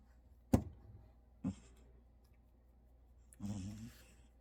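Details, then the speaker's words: Sleeping Scottish Fold cat that won't wake when called: quiet room, two soft clicks, then one low, rough, fluttering half-second breath, a single snore. "고양이 고양이 코고는 고양이 어 정신없이 자는 것봐."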